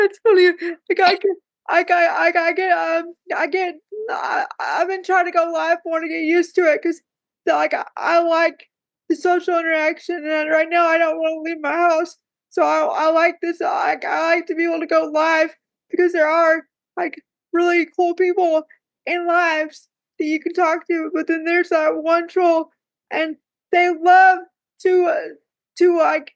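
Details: Speech difficulty in a woman with cerebral palsy who says talking is hard for her.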